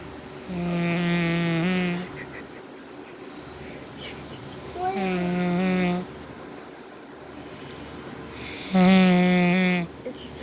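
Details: Adult woman (a mother) snoring loudly in sleep, likened by family to a bumblebee or llama: three long, loud, buzzing inward breaths with quiet gaps, about 15 breaths a minute; steady rhythmic snoring.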